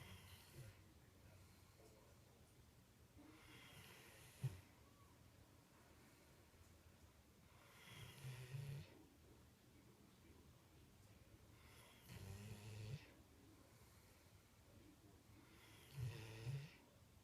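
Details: Sleeping Rhodesian ridgeback dog: soft low rumbling snores with breathy noise recur about every four seconds, roughly 15 a minute, against quiet room noise; snoring.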